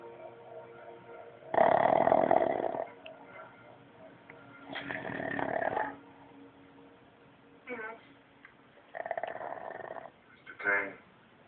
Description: chubby pug snoring